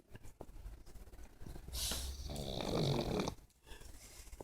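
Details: Snoring in a pug, a flat-faced dog: rough, rattling snore on the in-breath with a whistling, wheezy edge, then a quiet exhale.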